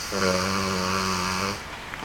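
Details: Sleeping dog snoring: a single drawn-out, buzzing, tonal breath sound.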